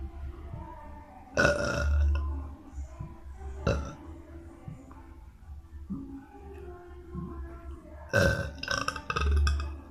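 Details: A boy burping: several loud, low, rumbling belches over music and background voices.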